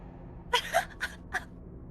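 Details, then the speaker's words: Streamer sneezes into an echo sound effect: a quick gasping intake, then a sneeze burst with a trailing electronic echo repeating it. "do you have any idea how long i've been waiting to do that i sneezed in the funny echo box yay"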